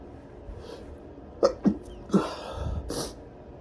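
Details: Deliberately induced, very tickly sneezing before a shower: a quick run of three or four short, explosive sneeze bursts with breaths between, then a softer, breathy release; repeated sneezing.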